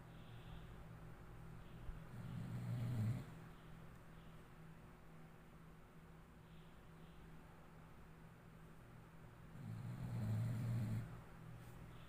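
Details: Snoring during sleep: two long, low, rumbling snores about eight seconds apart over a steady background hum.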